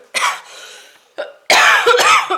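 An adult woman gives a short series of sharp, harsh coughs, the later ones louder and partly voiced.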